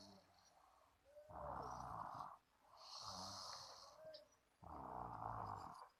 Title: 3 years old baby boy snoring! 😆